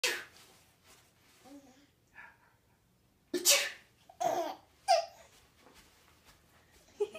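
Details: Several sharp, explosive sneezes mixed with quiet laughter at the sneezes; repeated sneezing.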